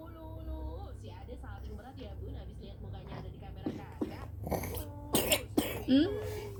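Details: Sleepy young child with fever and cough: a few short, harsh cough bursts with whimpering, over soft background music and room noise.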